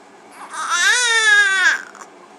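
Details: A single brief, rising and falling wail from a 1-month-old infant, with quiet room noise: infant cry.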